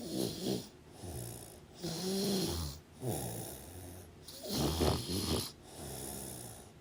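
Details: Snoring sounds, recorded over about 25 minutes.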